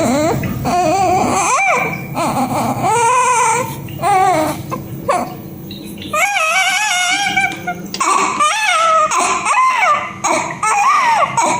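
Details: High-pitched, wavering newborn cry in repeated bursts, with faint music in the background; newborn crying.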